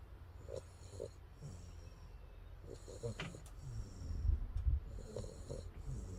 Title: is he snoring???